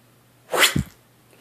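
One sharp, explosive sneeze with a quick lower burst at the end, in a quiet room.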